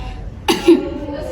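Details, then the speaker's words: Demonstration of effective coughing by a nurse's patient, seated, starting with light coughs before hard coughs to clear sputum later located in the left upper chest; a single sharp voluntary cough over room noise and faint music. "Mbak mau ini akan dimulai dari batu keringan terlebih dahulu kemudian batu keras ya bisa dimulai batuk dengan terlebih dahulu"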